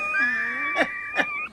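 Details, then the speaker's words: Adult makes a sustained high multi-toned whistling airway noise with two brief rough bursts, produced on request as a "yes" answer during a radio show; wheeze. "all right say just one long wheeze if yes you're going to be in albany [Music] okay"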